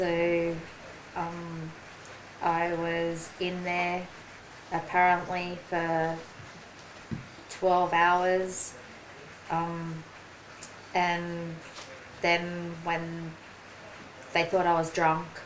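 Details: Aphasia in a woman after a ruptured aneurysm and stroke; slower speech and word-finding difficulty; aphasia.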